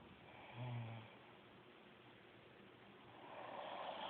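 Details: Sleeping female, a low rumbling breath sound near the start and another building at the end: snoring during sleep.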